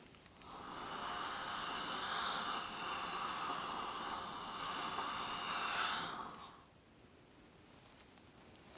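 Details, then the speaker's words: Simulated dental cleaning (ASMR dentist roleplay): steady airy suction hiss for about six seconds, then quiet, as a saliva ejector is used with the mouth held wide. "A little suction once more. It's over wide. Here we go."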